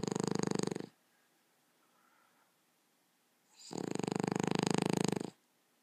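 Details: Two loud, rough, fluttering breath sounds about three seconds apart with quiet between, during a seizure-free night's sleep; snoring.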